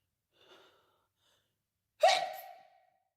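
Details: A faint breath, then one sudden sharp gasp with a brief voiced tail, as another sneeze is coming during a phone sneezing session; gasp.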